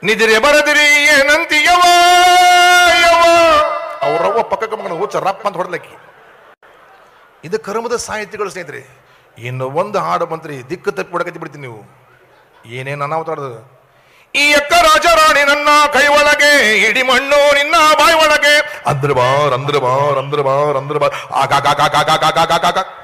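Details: Comedian imitating a schoolboy singing with a speech impediment (todalu, lisping or faltering speech) in a comedy routine; speech sound disorder (imitated).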